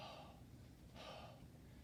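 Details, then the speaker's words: Patient demonstrating a huff cough, like fogging a mirror, during airway clearance with chest vibration by a physical therapy student: two soft, breathy open-mouth huffs, a gentle forced exhalation to clear mucus instead of a harsh cough. "so we're going to do a a half cough so it's not the the harsh cough that we are used to it's more like a up a mirror or a glass so it's"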